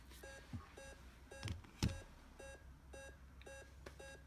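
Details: Regular electronic beeps with a few clicks in a quiet room from a simulated training patient monitor set in manual mode, shown in faculty instructions; an inferior MI ECG waveform had just been activated.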